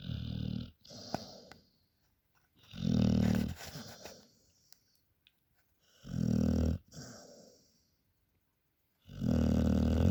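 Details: Dog snoring while asleep after a working day: short, rattling snores on each breath in, with quiet pauses between, about three snores in ten seconds.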